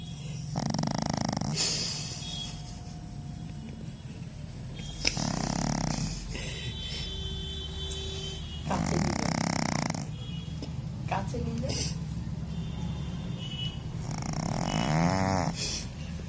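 Loud, rough snorting snores on the breath in, about every four seconds, roughly 15 a minute, with quiet breathing between: typical flat-faced dog snoring.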